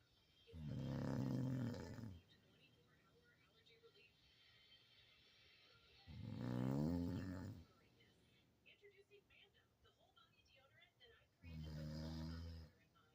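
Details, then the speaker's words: Adult woman snoring in sleep: three slow, deep, rumbling snores with long pauses, about 11 a minute, faint room noise; snoring. "That's my snoring girl. You just were snoring before. I got you for about a minute or two."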